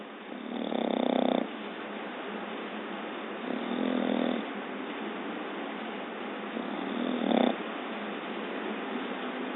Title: Exeter snoring on the couch